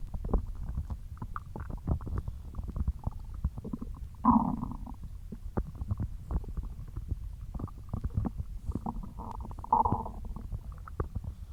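Low, continuous gurgling and rumbling with brief louder growls: ordinary stomach growling, normal bowel sounds.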